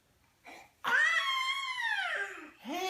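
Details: Infant cough from a 7-month-old baby's signature cough: a brief, throaty cough-like burst, then a long, high, sing-song voiced sound.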